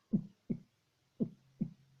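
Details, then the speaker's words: Two clear lub-dub heartbeats, a low S1 thump followed by a softer S2, at about 55 per minute: normal heart sounds. "ये वाली जो sound है, लब dub लब dub वाली जो साउंड है, ये साउंड क्यों प्रोड्यूस होता है हार्ट से?"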